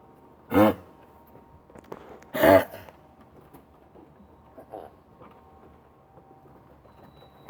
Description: coughing dog